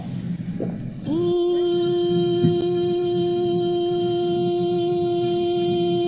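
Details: Vocal function exercise one, sustaining a vowel on a musical note for as long as possible, part of a regimen to strengthen the laryngeal muscles and improve vocal fold adduction; sustained vowel.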